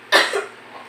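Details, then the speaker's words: Simulated effective-cough training by a nursing student with a female patient: three nasal breaths in, mouth out, then one strong, sharp cough burst with brief tail to clear phlegm from the throat. "Terakhir ini Ibu barengi dengan batuk yang kuat ya Bu. Ibu tarik nafas dari hidung. 1, 2, 3. Batukkan Bu."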